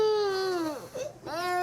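A young child cries with a falling wail, a brief catch, then another rising cry; crying in a child with an ear infection.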